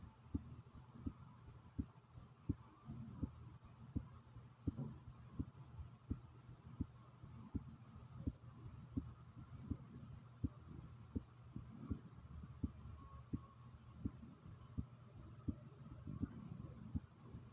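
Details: The recorder's own heartbeat, which they describe as pounding rather fast: steady, forceful thumps at roughly 83 beats a minute over a low background hum.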